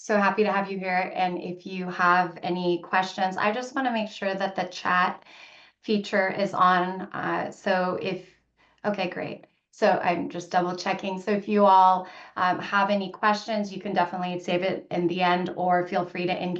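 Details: Adult woman; Normal speech.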